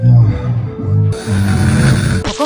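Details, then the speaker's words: Heavy snoring, loud, low, rumbling and fluttering snores in rough bursts, with music and hiss behind. "遺びきがひどいと周りの人は本当に大変です。しかも音のバリエーションも豊富です。"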